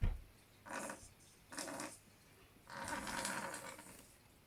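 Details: Young, somewhat skinny pet snake with a bacterial lung infection, seen by a vet and on antibiotics: three raspy, gurgling breath noises with quiet gaps, abnormal respiratory sounds.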